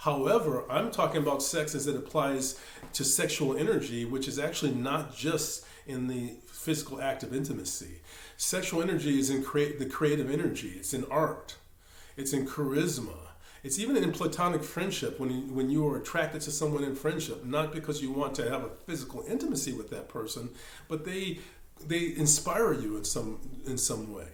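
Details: Male meditation teacher who says he stammers; word and part-word repetitions; stuttering.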